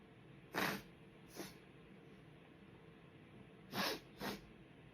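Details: Four short, muffled, hissing sneezes in two pairs, held back with the mouth closed because everyone else is asleep; desperate stifled sneezing.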